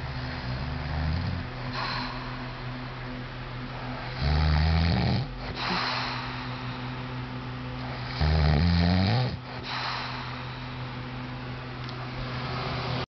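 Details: Loud, low, rattling snores on the in-breath, about every four seconds, during a nap over a steady hum of room noise; ordinary snoring.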